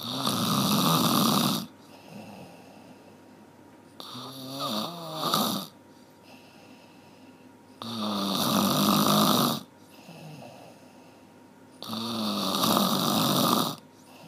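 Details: One-hour snoring recording: loud, rough, fluttering inhalations about every four seconds, each followed by a quieter exhalation; regular snoring at roughly 15 breaths a minute.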